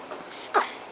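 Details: A girl gives a single abrupt, short voiced gulp after trick-or-treating, against quiet room noise: hiccup.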